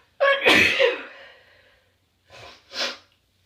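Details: Person sneezing, then honking their nose: one loud explosive sneeze, then two short softer bursts after a pause; sneezing.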